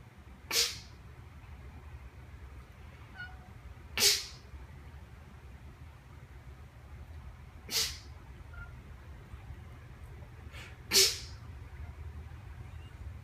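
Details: Four short, hissy sneezes a few seconds apart over a steady low rumble, in a clip about a pet cat that "blesses" sneezes: repeated sneezing.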